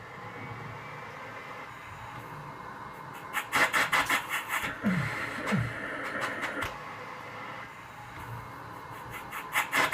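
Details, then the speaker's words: Steady machine airflow hiss, then bursts of rapid, rasping air pulses as a mechanical cough assist (insufflation-exsufflation) machine cycles through a face mask on a patient, demonstrated. "So now we're going to start. I'm going to press that button, and will nod his head when he's finished, and if there's a problem he'll shake his head, and you have to stop by pressing that button."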